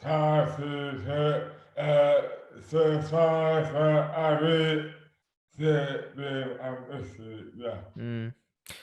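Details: Adult man with dystonia; slurred speech began suddenly overnight after a night out on the May bank holiday 2008, without known cause; hands also affected; speech dramatically impaired; dysarthria (oromandibular dystonia)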